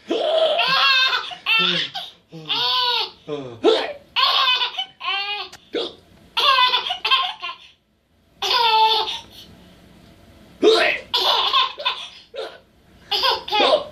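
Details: A child laughs and giggles at someone imitating his hiccups; the laughter comes in bursts with brief abrupt catches that fit hiccups breaking in.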